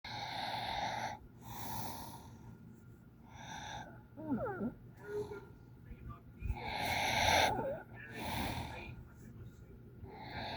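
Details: Raspy snoring breaths with a brief high squeaking whistle mid-breath in a noisy room; snoring with a squeaky airway sound.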